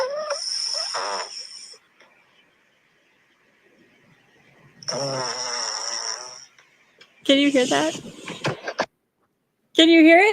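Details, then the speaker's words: Snoring from the recorder's sleeping pet dog: two drawn-out, nasal, whistling snores a few seconds apart, followed by louder, higher vocal sounds. "oh my gosh look at that little angel just a snoring she so funny I love her so much it's my dog"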